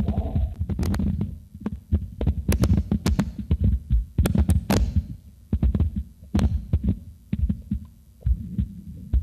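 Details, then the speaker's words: Regular heart rhythm at normal rate, about 70 a minute, recorded with an electronic stethoscope, sounding like an ordinary stethoscope; normal heart sounds. "vous avez entendu que le rythme et régulier vous avez entendu que le bruit du coeur est superposable à ce que l'on entend dans un stéthoscope ordinaire"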